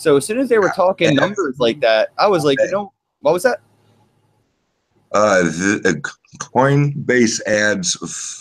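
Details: Speech impediment with disfluency, type not named, self-reported by the man speaking.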